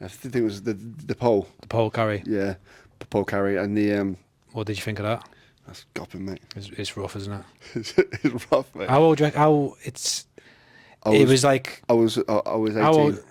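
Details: Adult man with a lifelong stutter; a speech therapist linked it to signalling between brain and mouth muscles and to breathing and speech timing; stuttering.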